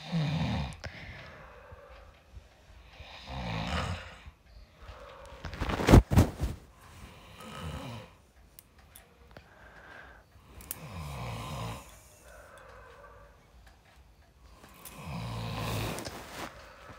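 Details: Husband snoring during sleep: rough, fluttering snores on each in-breath, about 16 a minute, with a brief loud clatter midway; typical snoring.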